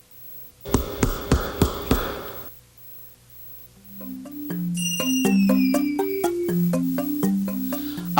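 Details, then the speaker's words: Chest percussion giving five hollow, drum-like taps, then music: a tympanic percussion note, occurring with air trapped in the pleural space, as in pneumothorax, or with a large lung cavity such as a tuberculous cavern. "é o som timpanico ocorre quando a ar aprisionado no espaço pleural como no pneumotórax ou uma grande cavidade entre a pulmonar como numa grande caverna tuberculosa"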